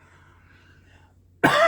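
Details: Adult with ongoing cough and wheeze; ENT scope showed redness and irritation at top of esophagus, suspected acid reflux; talking triggers coughing. One loud, harsh cough burst after quiet, cut off at end; chronic cough.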